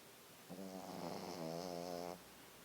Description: Kim, my little white pekingese dog snoring